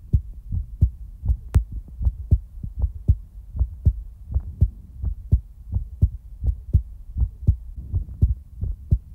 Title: Heartbeat ASMR ♡ (Relaxing, Peaceful, & In-real time) ☁️